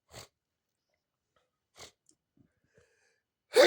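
Two soft nasal sniffs, then the loud onset of a sneeze that cuts off at the end.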